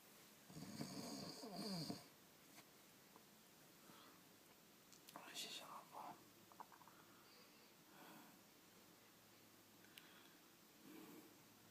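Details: Person snoring while asleep, recorded by their partner: one loud, rough snore, then quieter breathing with faint snorts and soft sounds in a quiet room.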